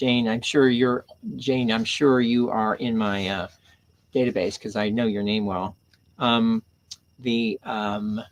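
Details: Adult man with aphasia after a stroke on September 26, 2011 (three strokes in all), about ten years post-onset; he initially could not read, write or speak well, had seven months of speech therapy and an aphasia group, and his speech has since greatly improved; aphasia.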